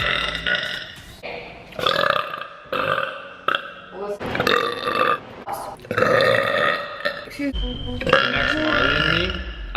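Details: A woman belching: a compilation of loud, drawn-out voiced belches one after another, with brief talk and laughter between them; burping.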